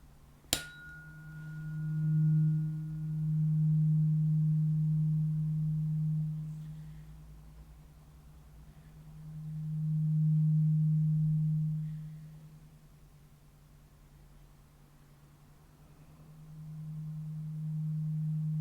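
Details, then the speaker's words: Role-played ASMR ear examination for hearing loss, right ear worse than left, eyes closed: a struck tuning fork rings with a steady low hum that swells and fades as it is held close, then far from the ear. "okay so yeah so i was holding it really close and then far away so it sounds like when it's really close to your ear you can hear it but when it's further away it's you can't hear it as much"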